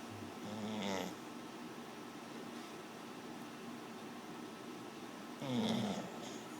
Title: Fur ball snoring